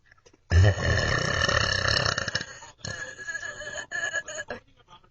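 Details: One long, loud, voiced belch followed by a second, choppier one; plain burping.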